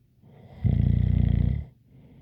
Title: Snoring Sounds ZZzzz with a light whistle